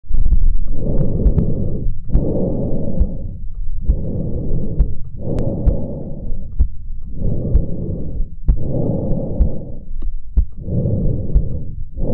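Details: Breath sounds through a Bluetooth wireless precordial chest-mounted stethoscope: steady, even breathing in and out at roughly 20 breaths a minute.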